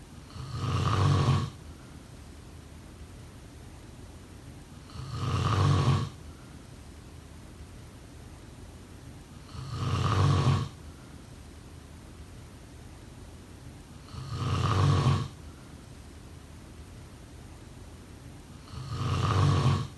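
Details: Snoring during sleep: regular low rumbling snores on each breath in, about 13 a minute, with quiet pauses between.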